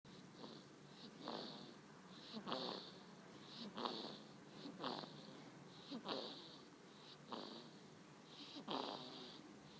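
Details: A kitten aged 1 month 16 days snoring softly while napping, with a fast, fairly steady rhythm and hissy, snuffly noise.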